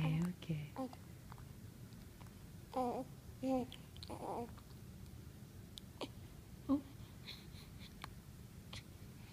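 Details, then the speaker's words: Self-induced hiccups in the morning: a quiet room with soft murmuring and a few short, abrupt catching sounds, each a sudden closing of the throat. "Oh no, you gave yourself a hiccup. Okay, you want to eat? Okay."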